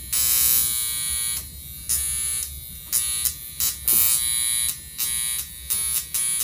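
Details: High, sizzling electric buzz switching on and off in bursts as a NuDerma high-frequency wand, set to the highest level five, touches and leaves a mother's facial skin near the sensitive lips during an at-home facial; normal operation.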